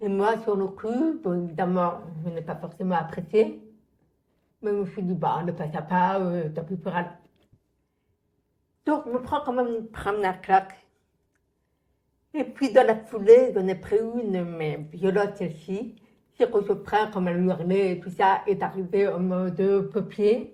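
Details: Adult woman, born profoundly deaf (prelingual), raised with thousands of hours of speech therapy, lip-reads, and has been understood by others only since about age 12; deaf speech (prelingual profound deafness).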